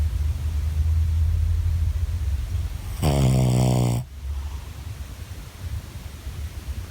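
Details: Tired dog snoring: one loud, buzzing snore about a second long over steady low background rumble.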